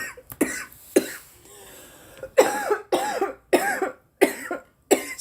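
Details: Girl: run of about eight harsh, hacking coughs with brief gasps between, after smoking; face feels hot; repeated coughing after inhaling smoke.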